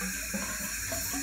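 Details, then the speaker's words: Respiratory therapy demonstration of a cool aerosol (large volume nebulizer) setup: steady bubbling, gurgling as oxygen passes condensation in aerosol tubing, creating back pressure that prevents room-air entrainment and raises FiO2. "again oxygen makes it through you can hear it gurgling but it does create back pressure so that room air is not entrained gets a higher player too"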